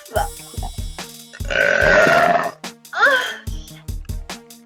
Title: Girl Burps